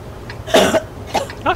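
A sharp, harsh adult cough burst followed by a couple of smaller throaty bursts, over faint room noise; a plain cough.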